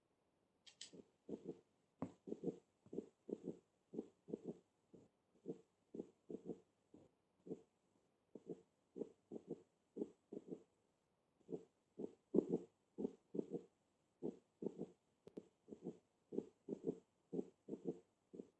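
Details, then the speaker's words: Teaching recording of a third heart sound (S3 gallop): regular heart sounds grouped in threes per beat, an added third sound rather than a split. "escucha mejor aquí este es y está clarito que son tres ruidos no más claros en el anterior está muy cerca uno del otro y se percibe como tres y muy bien por lo menos está ahí sabemos qué hay una como tal un desdoblamiento no solamente de un blog del blog sino que hay un tercer ruido"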